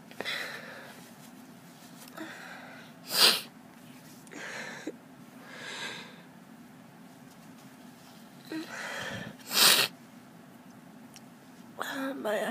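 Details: Spring hay fever on a March day, with watering eyes and itchy nose and throat: repeated allergic sneezes with sniffs and breathy intakes between them in a small room, after sneezing from morning until night.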